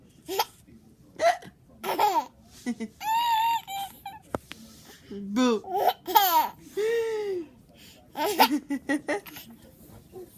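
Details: Baby laughing in repeated bursts, broken by short, sharp hiccups between the laughs; hiccups.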